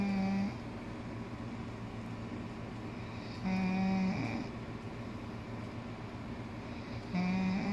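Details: A female snoring: slow, regular low buzzing snores about every three to four seconds over a steady background hum.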